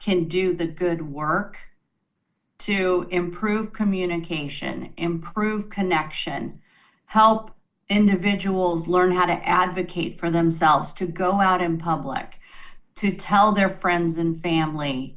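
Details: Adult woman speaking; normal speech.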